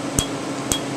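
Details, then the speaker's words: Q-switched Candela TriVantage laser, 755 nm alexandrite, 2 mm spot, removing a name tattoo after topical anesthetic cream, with pinpoint bleeding: two sharp crisp snaps over a machine hum. The snap is louder over untreated ink, quieter over treated areas. "listen to the snap and the areas that have not been treated yet today and then you'll notice as if I try to go over an area that's been treated you don't hear the snap as much"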